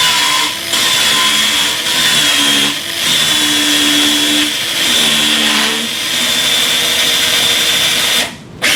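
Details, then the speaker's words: Continuous high motor whine shifting in pitch with load, stopping abruptly, as a radial surface reamer is driven over a guide pin in a Sawbones wrist-arthroplasty training demo; surgical reamer. "Take the appropriately sized radial surface reamer and drive it over the guide pin until the nose of the surface reamer bottoms out on the radial depth guide."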